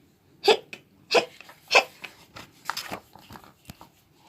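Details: Hiccup sounds performed during an English read-aloud of the children's book Skeleton Hiccups, where the skeleton has hiccups: three sharp, abrupt hiccups about half a second apart, then softer clicks and breaths; hiccups.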